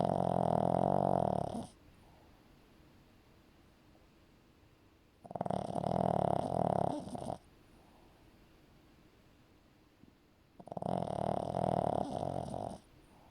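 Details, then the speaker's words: 15-year-old Shih Tzu Marley asleep and snoring; loud, rough, rattling snores on each breath in, about 5 breaths a minute, with quiet pauses between. "and just in case you thought it was just that you can have a longer clip of some snoring ASMR from Marley a 15-year-old Shih Tzu"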